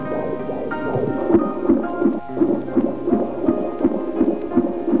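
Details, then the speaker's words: Doctor auscultating during the first stage of labour: rapid, regular soft fetal heartbeat, about 165 a minute, with background music; fetal heart sounds. "Le médecin écoute le rythme cardiaque. fœtus, compte leur fréquence, détermine le rythme."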